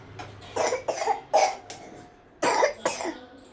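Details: Baby with an ongoing cough: about five short, harsh infant coughs in two small bursts, with quiet room noise between; cough.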